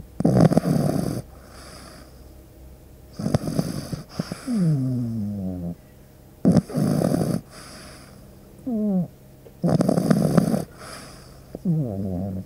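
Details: Pug puppy snoring during deep sleep: loud, rattling snores on each breath, about five breaths a minute, with whistling sounds on breathing out.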